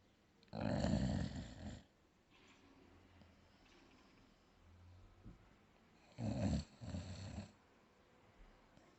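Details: Sleeping dog snoring: two loud, rough snores about six seconds apart, each a harsh low rattle on the breath, with quiet breathing between.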